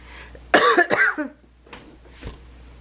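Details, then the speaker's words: Two quick voiced coughs from an adult woman still recovering from an illness, voice still not clear, no fever, coughing a lot at night in her sleep; cough. "I still cough. My My husband says I cough a lot at night, but I don't hear that because I'm sleeping."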